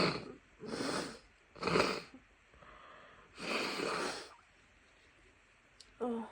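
Several wet, forceful sneezes with sniffling between them, then a brief nose blow, as with a head cold.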